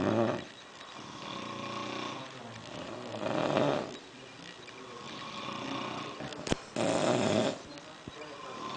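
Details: Two men snoring together until a cell phone rings: loud, rough, overlapping snorts and rumbles from more than one sleeper, with a short sharp noise near the end.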